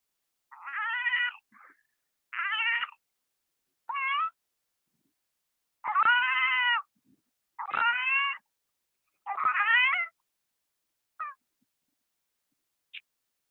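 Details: Infant girl with RSV, previously hospitalized and discharged, with sunken eyes and gurgling breathing: short, thin, whimpering cries with long pauses, not a full wail; a weak cry.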